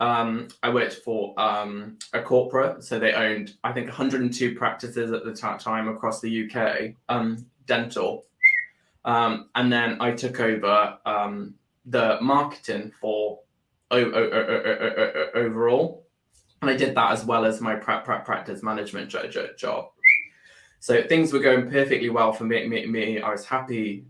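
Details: Adult with Tourette syndrome that developed about four years earlier after seizures and brain swelling; motor and vocal tics (whistling, swearing, word repetition) and a stammer that followed a loss of speech; vocal tics (whistling) with stammering.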